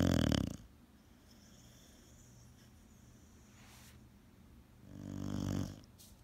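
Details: Boxer dog asleep, snoring: two loud, low, rattling snores about five seconds apart with quiet breathing between; ordinary snoring.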